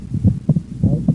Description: Sound is that of S1–S2 at rest (“out”) and S1–A2–P2 with inspiration (“in”).